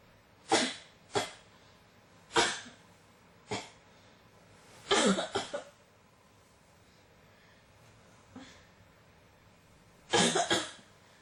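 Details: Persistent cough that won't stop: about seven harsh coughs, some single and some in short runs, repeating over several seconds.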